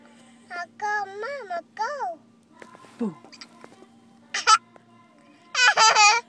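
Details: Young child giggling in bursts while waiting in a car, broken by a few short, abrupt catches in the voice: hiccups during laughter.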